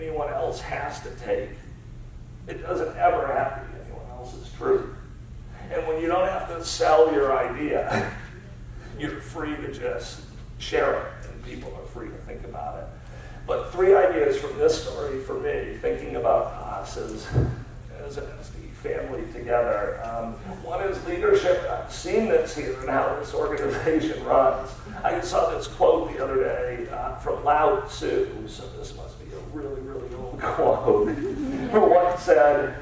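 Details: Man with spasmodic dysphonia diagnosed at Mass Eye and Ear, a rare neurological disorder affecting only speech with no known cause or cure; treated with periodic Botox injections; voice not consistent or comfortable, resetting each morning; spasmodic dysphonia.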